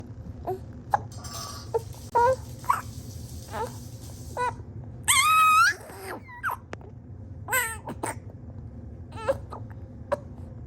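Short, fussy whimpers and brief cries broken up by small catches of breath: a frustrated infant crying, likely interrupted by hiccups.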